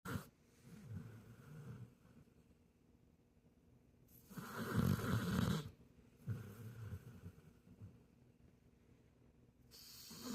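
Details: A sleeping rescue American Bully dog snoring: low, rattling breaths in a slow rhythm, some louder and snorting, with quiet gaps between.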